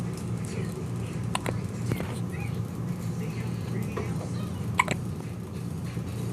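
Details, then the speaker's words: Baby with hiccups: several short, sharp hiccup bursts at irregular intervals over a steady low room hum; ordinary infant hiccups. "Still got the hiccups, huh? Got them hiccups."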